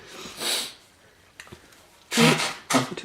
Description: A man sitting in a reclining chair anticipates a loud sneeze and then delivers a very loud sneeze as a woman laughs.